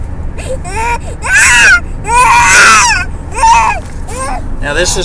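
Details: An infant cries in repeated wailing bursts with rising and falling pitch, over low rumbling room or vehicle noise; ordinary infant cry.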